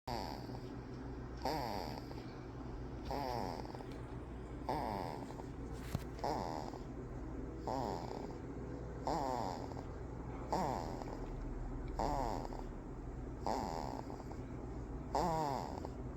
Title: Adorable 1 month old baby snoring 😴. #shorts